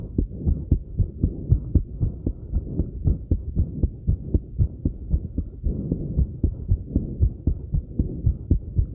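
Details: Fast, regular heartbeat near 115 beats a minute, self-recorded after light crunches, with soft breathing and movement rustling underneath: rapid heartbeat after exercise.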